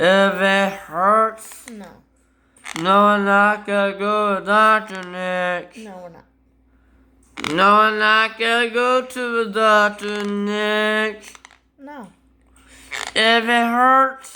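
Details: Boy with autism and Tourette syndrome, filmed by his mother, showing his most common vocal tics, which include repeated phrases; vocal tics (Tourette syndrome).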